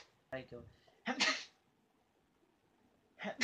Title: How To Fake Sneeze (Girl Edition)